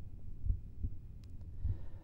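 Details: Diaphragm of stethoscope at the pulmonary area, left second intercostal space, during cardiovascular examination: soft, regular low heart thumps, normal first and second heart sounds, no murmur.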